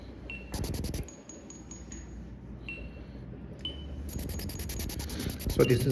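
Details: Phacoemulsification machine during cataract surgery using direct chop technique, nucleus divided into fragments then emulsified: bright machine tones and rapid pulsing, chiming bursts.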